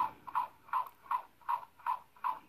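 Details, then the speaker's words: Recorded fetal heartbeat played back from a button in a teddy bear: rapid, regular whooshing pulses, about 155–160 beats a minute, through a small speaker. "yeah so that is the heartbeat I hope you guys could hear it"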